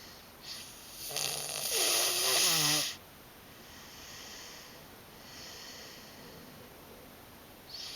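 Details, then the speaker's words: A sleeping male, said to sound like his father: one loud, harsh, fluttering snore on the in-breath, then quieter hissing breaths; ordinary snoring. "sounds just like his papa."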